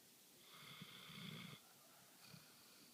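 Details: Female dog asleep on the couch: one drawn-out, whistling, rattling breath then a fainter one over steady hiss; snoring.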